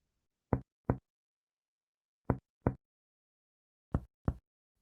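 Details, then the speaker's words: Patient lying on right side (right lateral decubitus), finger percussion along the mid-axillary line starting high on the chest: three pairs of quick, low, hollow taps; normal resonant pulmonary percussion note. "la percusión sigue la línea medio axilar comenzamos bien arriba y escuchamos la sonoridad pulmonar"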